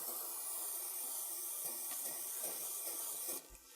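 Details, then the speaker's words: Steady hiss of ethyl chloride cold spray for about three seconds over a marked hand/wrist tendon sheath, just before a hydrocortisone and local anaesthetic tendon sheath injection. "to clean up the whole area of the tendon sheath leaving the mark along the tendon and then use ethyl chloride spray"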